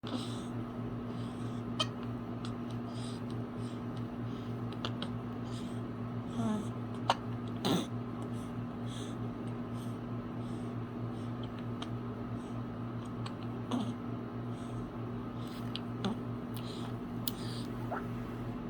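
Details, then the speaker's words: Infant giving short, sharp hiccups at irregular intervals over a steady background hum; hiccups. "Who's that cutie? You got hiccups, huh? You got hiccups? Yes."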